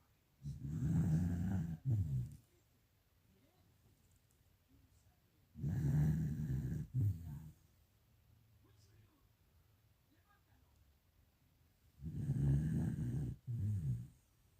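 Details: Snoring caught in sleep: three loud, low, rattling snores about six seconds apart, each in two parts with a brief break, at about 10 breaths a minute.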